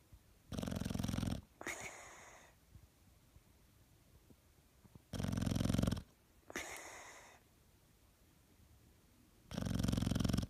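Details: Loud, rattling snores on each breath in, each followed by a whistling, wheezy breath out, roughly 13 breaths a minute: snoring.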